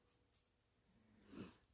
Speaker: I apologize if you can hear my dog snoring in the background he evidently does not find my crafting to be very interesting